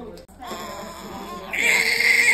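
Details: Newborn girl just after birth, following emergency induction for maternal preeclampsia, moved to the warmer and crying thin and high-pitched, growing stronger, with adult talk in the room; a normal cry just after birth.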